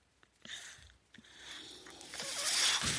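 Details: Speaker's own mechanical ventilator during a spoken podcast: a few faint clicks, then a rising hissing airflow whoosh building toward the end as a breath is delivered.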